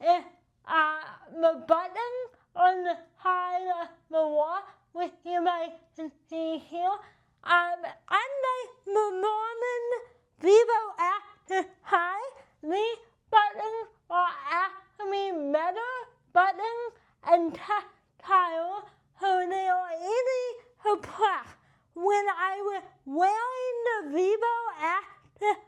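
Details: Adult with cerebral palsy and limited hand function: dysarthria (cerebral palsy).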